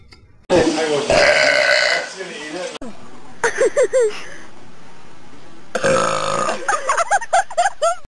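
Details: Girls burping, from a compilation: a long loud belch, then shorter belches and a rapid run of small burps, with light voice sounds between.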